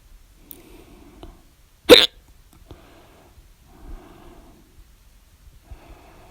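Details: Loud hiccups recorded at 12:24 a.m. on 1/13/20, described as the person's second bout of hiccups.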